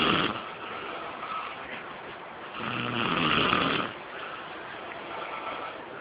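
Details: Snoring heard "in stereo": rough, noisy breathing sounds rising and falling in two louder swells over a steady hiss; snoring.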